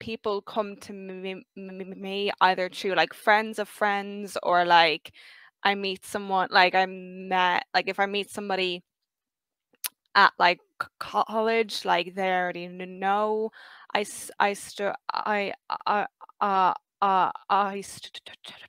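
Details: 23-year-old who has stuttered since age five; stuttering.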